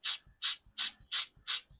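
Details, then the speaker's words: Manual breast pump in use by a new mother, cup fitted closely to the breast to avoid air leaks: rhythmic squeaky suction strokes, five in under two seconds, each with a soft release click. "तो इसमें अब breast के साथ adjust करना अच्छी तरह से करना है नहीं तो हवा इधर-उधर से हवा निकलेगा ना तो मिल्क अंदर नहीं जाएगा और फिर इसे प्रेस करना ऐसे करके"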